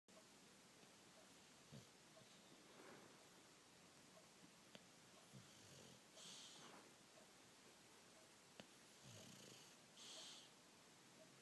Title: Bulldog snores